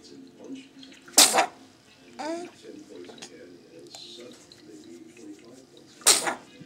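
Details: Sharp, forceful sneezes a few seconds apart from a young child in the morning, with soft voices and running water in the background.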